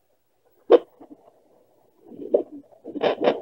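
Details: Fetal movement at 15–16 weeks of pregnancy on a handheld Doppler: irregular swishing thumps and rushing bursts as the fetus moves in the womb.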